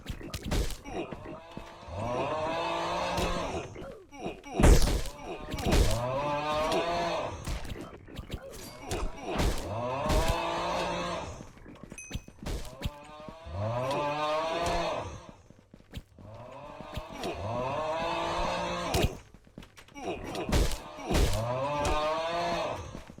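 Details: A sleeping puppy snores with rhythmic, whistling, groan-like breaths about every five seconds: snoring.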